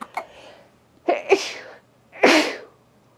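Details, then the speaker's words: Mother of a five-week-old baby sneezing: two loud, sharp sneezes about a second apart, each a quick intake followed by an explosive burst of air. "oh Mama's got the sneezes let's see there's Abby zoom out"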